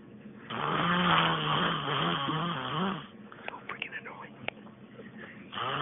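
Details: Snoring: a long, loud, buzzing, fluttering noise on one breath, followed by quieter breathing sounds.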